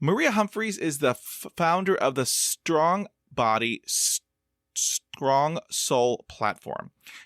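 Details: Stuttering in a 50-year-old man who practises meditation and breathing focus; audible part-word repetitions; stuttering.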